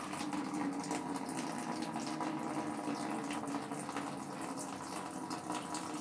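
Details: Steady rushing, splashing flow as a urinary catheter bag holding nearly two litres of urine, still containing some blood, is emptied into a container for a bariatric-bed patient with Crohn's disease.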